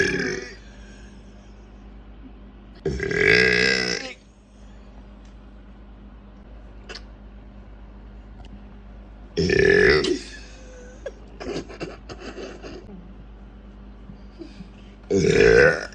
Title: Toy Freddy burping